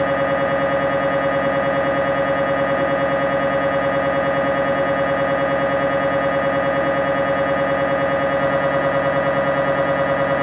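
Loud, steady mechanical buzzing with rapid regular knocking, about two pulses a second; the normal noise of an MRI scanner during a scan.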